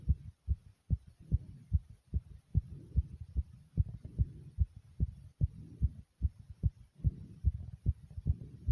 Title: My Powerful Pounding Heartbeat ❤❤